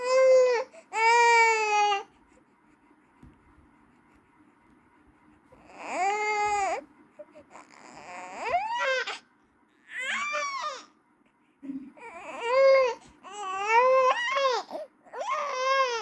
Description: A baby crying can sound like a high-pitched, loud and persistent wail or whimper.